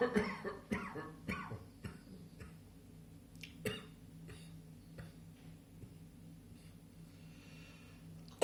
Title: Spring Afternoon Cough